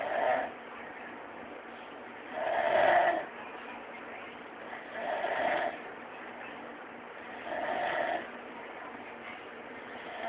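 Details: A sleeping man gives regular, rumbling snores on each breath, about 23 a minute, with quiet pauses between; snoring.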